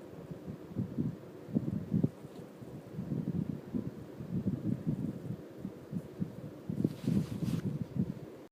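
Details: Low, irregular gurgling and rumbling abdominal bursts while digesting 4 sodas and 2 slices of cake: ordinary stomach growling (borborygmi).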